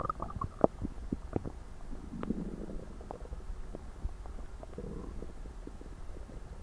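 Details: Irregular low gurgles and rumbling abdominal noises over a steady low background: active bowel sounds recorded right after an overly large Christmas dinner, the stomach stuffed, tight and aching.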